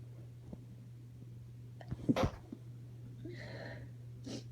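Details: Female with allergies at night, unable to sleep, stifling sneezes to avoid waking someone: a muffled, held-back sneeze with a short catch of breath before it, then a soft exhale, in a quiet room.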